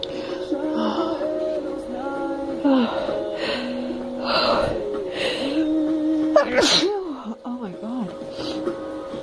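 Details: Adult woman's sneeze induced by sniffing snuff: sharp sneeze burst after sniffing and brief vocal sounds, music in background.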